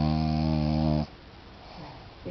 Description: Frenchies fall asleep in the strangest positions. Snoring mandatory.